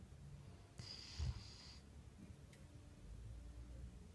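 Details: A dog snoring while asleep: a single low snorting breath over steady room noise.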